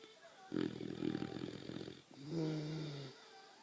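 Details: A baby boxer dog fast asleep in bed gives two coarse snoring breaths, a fluttering snort then a smoother drawn-out snore, in a quiet room; snoring.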